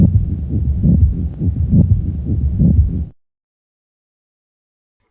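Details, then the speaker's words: Pediatric cardiology teaching example: rough, scratchy, squeaky-leather heart sounds at about 69 a minute, with systolic and diastolic components obscuring S1 and S2, best heard between apex and sternum. Can indicate pericarditis; pericardial friction rub. "It has both a systolic and diastolic component and often obscures the normal S1 and S2 heart sounds. The sound is usually best heard between the apex and the sternum and can be indicative of pericarditis, which is an inflammation of the fibrous sac surrounding the heart."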